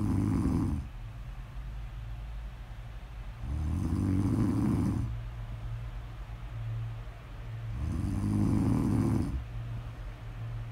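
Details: Snoring: regular low rumbling snores on each breath in, about every four seconds, roughly 14 breaths a minute, with softer breathing between.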